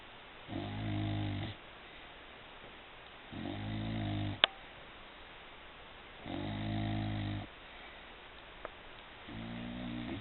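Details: Snoring in a dog: regular, buzzing snores on each breath, about 20 a minute, with quiet pauses between them.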